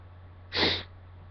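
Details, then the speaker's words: Deliberately stifled sneeze after self-induced sneezing with a sore nose: one brief, muffled, hissing burst of air with the mouth closed. "all I guess I'll be like one more set of sneezes I guess I'll Stuffle him again I mean I hurt a lot my nose but hurts but this will be the end I guess"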